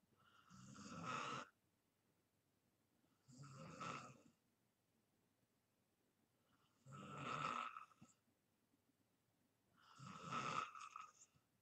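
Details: Self-recorded snoring in deep sleep: rough, buzzing snores every few seconds, four in about eleven seconds, with quiet gaps.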